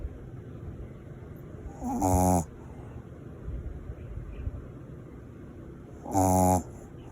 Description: Shirley, a small mixed Shih Tzu can out-snore a person.